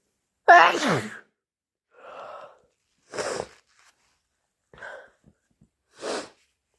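Loud, harsh sneeze followed by several quieter wet sneezes and sniffles, about four or five bursts.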